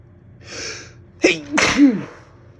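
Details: Slow-building, itchy sneezes: a drawn-in breath builds up, then one loud explosive sneeze ending in a voiced trailing sound; a normal sneeze.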